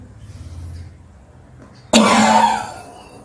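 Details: Physiotherapy demonstration of how to cough to clear phlegm: a quiet breath in, then one strong forceful huff cough.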